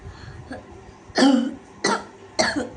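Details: Child with an acute barking cough since getting soaked coming home from school, coughing hard on request: three harsh, hollow barking coughs.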